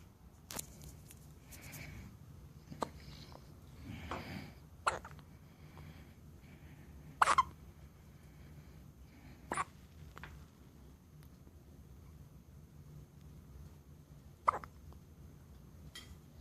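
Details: Two-day-old newborn girl's hiccups: soft, sharp, isolated hiccups every couple of seconds, about seven over sixteen seconds, in a quiet room.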